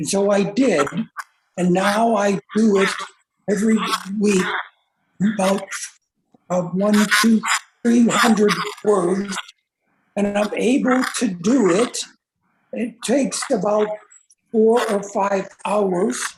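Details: Aphasia in an older adult man since a stroke about 3.5 years earlier, slowly improving, after more than 2 years of therapy at a stroke recovery center.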